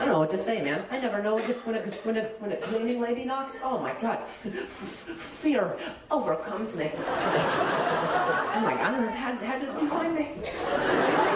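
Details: Male stand-up comedian whose stutter was acquired at age 20, appearing the day after a softball hit his throat (minor vocal contusion, major concussion); no stutter in childhood; stuttering.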